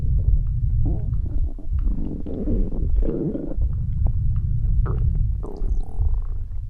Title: midnight stomach growl